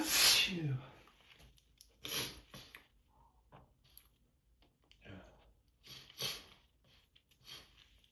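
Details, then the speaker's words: Allergy sneezing fit on a tired morning: one loud voiced sneeze, then several smaller sneezes and sniffs into a tissue. "These allergies. Been giving me a rough time this year. It's gonna be another long day."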